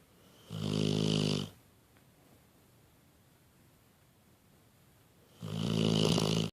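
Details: Pitbull dog napping and snoring: two loud, low, rattling snores about five seconds apart, with quiet breathing between them.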